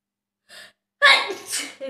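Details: Brief soft in-breath, then one sharp explosive sneeze with a short trailing sound: a single self-induced sneeze from a self-sneezing challenge of 30 sneezes.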